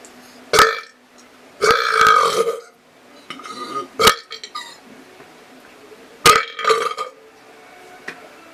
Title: Cool Belching with bonus me Sneeze